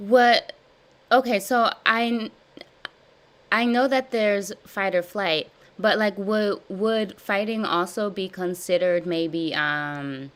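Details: Adult woman with stuttering since childhood, describing severe blocks, in a live therapy session practicing voluntary stuttering and cancellations; she repeats and revises words; stuttering.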